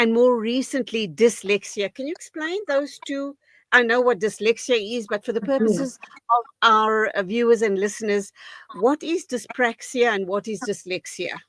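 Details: Adult woman speaking; normal fluent speech.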